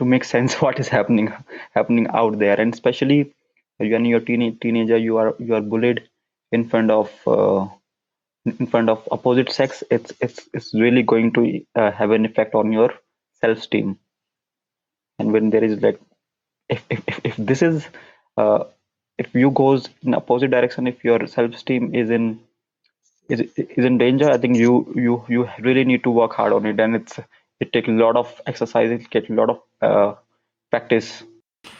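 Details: Stuttering (stammering) in a man whose stammer began at around nine years old and persists into adulthood.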